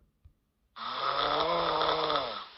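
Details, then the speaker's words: Own sleep recording of snoring played back from a phone: a steady, loud, droning snore lasting nearly two seconds. "oh my God am I snoring at night this 10 seconds 1:00 a.m. wait this one was pretty high this"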